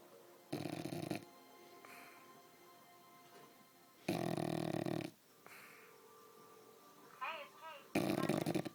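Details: A sleeping bulldog gives three loud, harsh, rattling snores about four seconds apart, with faint high chirps and low room noise between them.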